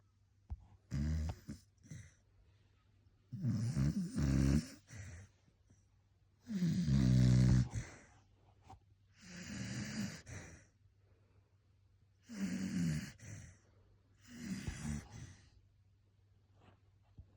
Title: Not only does Bean sleep in my arms every night, he does it snoring with a smile 😂